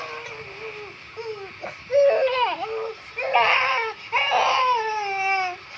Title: Baby Crying 😭😭 When he was Bath 🛁